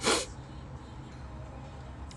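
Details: A single sharp, breathy sneeze from a Japanese girl, followed by quiet room noise; an ordinary sneeze.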